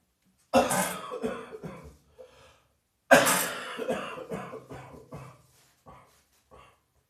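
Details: Two harsh, heavy night-time coughing bouts, each a loud burst trailing into weaker coughs; chesty cough from a heavy chest cold.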